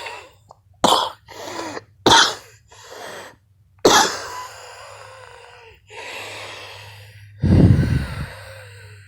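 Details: Allergy sufferer wheezing for 56 seconds: noisy, effortful breaths with faint whistling and about four short cough bursts.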